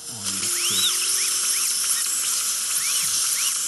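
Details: Dental drill with water spray splitting an infected left wisdom tooth in two for extraction, tongue side protected: continuous high-pitched whine with spray hiss and brief low voices; tooth sectioning.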